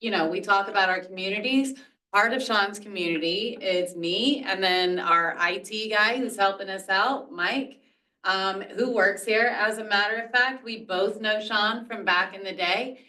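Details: Adult woman; Normal speech.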